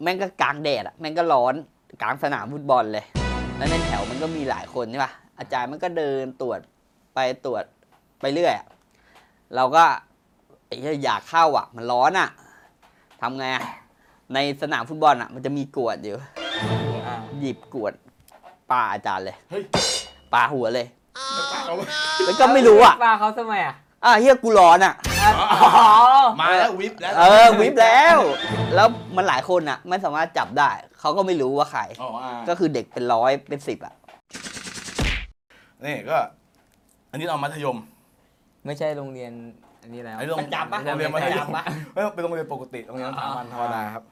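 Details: Thai speaker from a group of people who stutter, telling a story during a game; stuttering.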